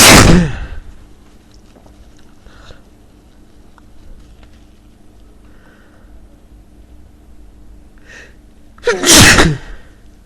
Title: Lots of powerful sneezes